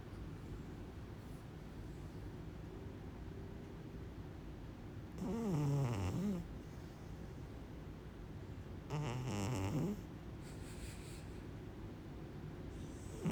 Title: Kitten Snores #cat #cute #funnycats